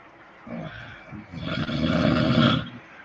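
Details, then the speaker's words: Loud, rough, buzzing heavy snoring during sleep; snoring is said to nearly stop when sleeping on the side. "엄청 큰 소리가 막 납니다. 여러분 코골이에 소리가 많이 나면 이 안에 있는 목청과 이쪽이 다 상합니다."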